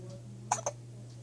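Two quick, sharp hiccup-like clicks close together against a steady room hum.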